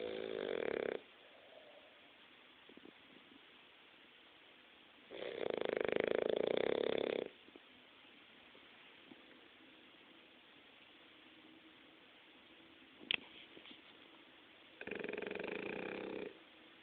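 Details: Snoring: three rough, rattling snores roughly every seven seconds, with quiet breathing between them.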